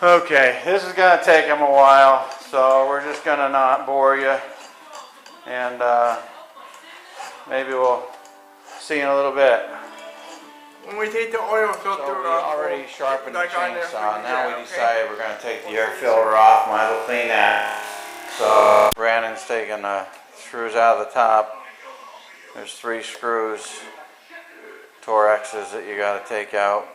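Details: Adult male speaker; speech.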